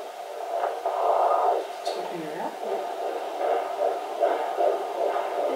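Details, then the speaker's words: Fetal heartbeat on Doppler during the second trimester: rapid, regular whooshing pulses at about 150–160 a minute, judged normal, with occasional plops from the baby's movements. "Het klinkt goed hoor klinkt hartstikke goed zeker Ja hoor 150 160"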